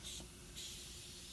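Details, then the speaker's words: Intermittent tracheal suctioning via tracheostomy on a training mannequin: two short bursts of airy hissing as the suction catheter is withdrawn. "I'm going back down to section just going into the middle again how long how high do I go down positions and then I'm suctioning intermittently on the way out"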